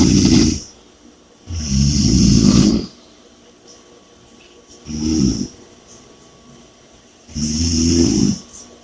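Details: Snoring and heavy breathing during sleep: four loud rattling snores on breathing in, about 2.5 seconds apart, with quiet pauses between.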